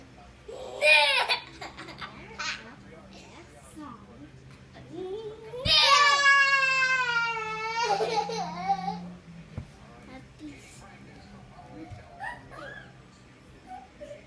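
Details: Infant cry: a young child's brief wailing cry with fussy babbling and quiet room noise, at home with a two-year-old girl who has hiccups; another child is said to be crying.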